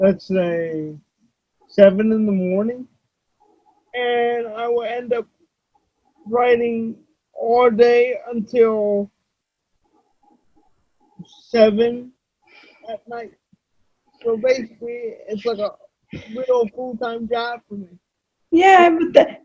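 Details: Adult male with cerebral palsy, who reports that voice-recognition software fails to understand him about half the time; dysarthria due to cerebral palsy.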